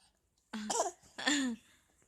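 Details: A child's voiced, laugh-like outbursts ending in a short cough in a child laughing; cough.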